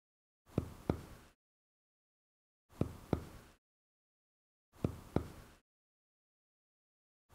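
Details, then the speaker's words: Percussion of a patient's back with arms folded in a respiratory examination demonstration: paired taps give a short, flat, dull note, pointing to consolidation or lung collapse. "james i'm now going to tap on your back if you could just fold your arms for me"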